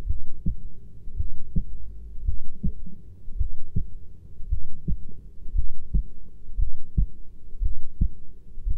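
Steady low thumping heartbeat at about 58 beats a minute with a faint background hum.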